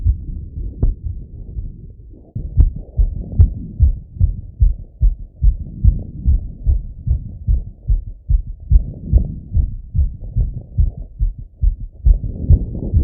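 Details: Male heart auscultated with a stethoscope on himself after a workout set: rapid steady thumping about 140 beats a minute with some rubbing noise, normal heart sounds, fast after exercise.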